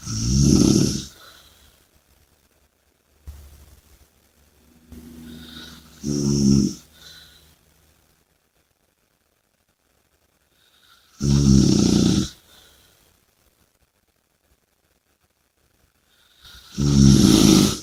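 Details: Sleeper snoring and breathing heavily: loud rattling snores with heavy breathing and long quiet gaps between breaths, irregular in timing; snoring.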